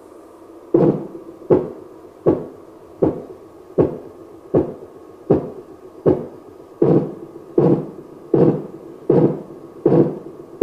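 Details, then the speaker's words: Simulated Korotkoff sounds from a nursing skills training manikin's arm speaker during blood pressure measurement, played through external audio: regular, fairly even tapping thumps about 79 a minute as the cuff deflates. "and listen for the five kurodakov sounds"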